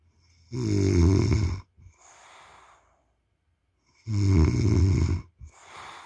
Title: खर्राटे की आवाज ... !!! Snoring sound...!!!